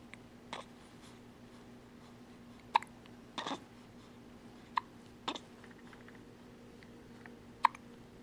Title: Hiccups May 10